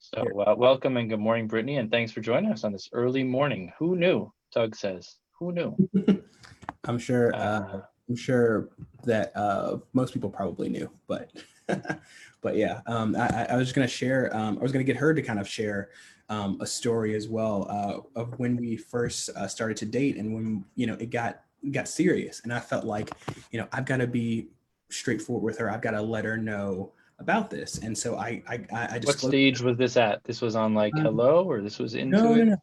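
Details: Adult man who stutters, speaking in a real, unscripted conversation: stuttering.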